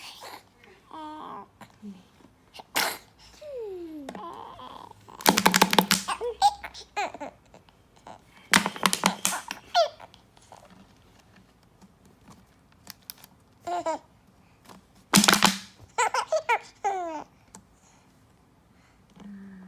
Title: Very cute baby sneeze and laugh